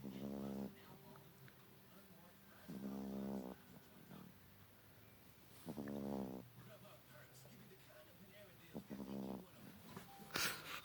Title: cute beagle snoring